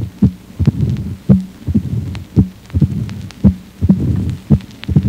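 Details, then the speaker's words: Simulated mitral stenosis at the apex, left lateral decubitus, bell applied lightly: heartbeat near 56 a minute with a short, low rumbling mid-diastolic murmur from flow through the stenosed valve during rapid ventricular filling. "O sopro de aparecimento mais precoce na estenose mitral habitualmente é um sopro mesoddo curto e em ruflar gerado pelo fluxo sanguíneo através da válvula mitral estenosada durante a fase de enchimento ventricular rápido"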